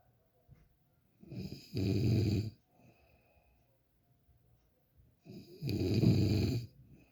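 Two loud, rough, rattling snores on the in-breath with quiet pauses between; ordinary snoring.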